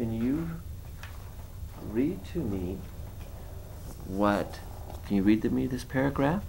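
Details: Adult male speaker; ordinary speech.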